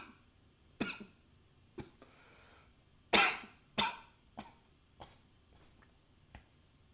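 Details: Recorded with a new high-fidelity microphone: about eight dry, harsh cough bursts at irregular spacing, a few loud and the rest softer, in a quiet room; repeated coughing.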